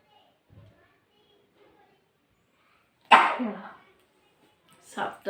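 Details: Quiet room, then one loud, explosive sneeze, followed about two seconds later by a second, shorter burst, recorded during a nose-blowing and sneezing video; ordinary sneezing.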